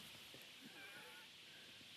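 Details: An elderly diabetic woman who smokes and has a suspected chest infection, heard by ambulance crew through a stethoscope under her jumper: faint, high-pitched, musical whistling over a hissy breath, a wheeze; reduced air entry upper right.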